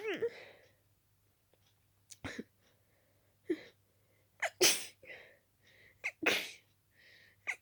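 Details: Rapid run of about eight wet, stuffy sneezes, some stifled, with quick gasping breaths between, from a person with a very itchy nose and strong dust allergy; allergic sneezing fit.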